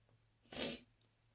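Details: A single short, sharp, explosive sneeze in a quiet room, part of a sneezing fit while alone on a lunch break.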